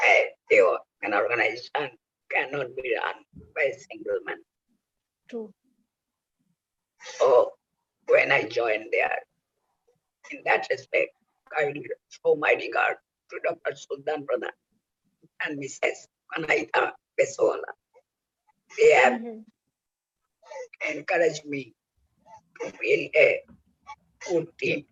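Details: Adult male laryngectomee whose voice box was removed for cancer, using oesophageal speech by the injection method; oesophageal speech after total laryngectomy.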